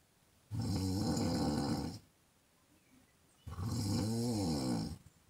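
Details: Snoring in a woman, recorded as a half-hour sound effect: two long, loud, buzzing snores about three seconds apart, with quiet pauses between breaths.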